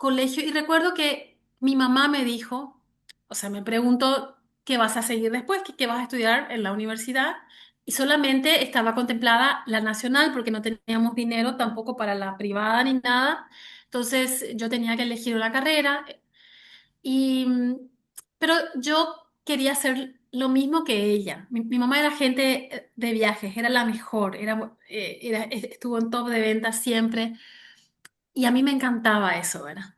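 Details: Developmental stuttering in an adult Spanish-speaking woman, onset at age 6; now mild, with about 80% fluency and cyclic variation.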